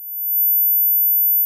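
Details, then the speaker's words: Simulation of the speaker's own high-pitched tonal tinnitus, worse when tired, stressed or ill and most noticed lying in bed in silence: a steady, very high-pitched pure tone fades in and holds. "Ceux d'entre vous qui regardent ceci et qui ont déjà visité cette chaîne sauront que je souffre personnellement d'acouphènes tonals aigus, qui ressemblent à ceci."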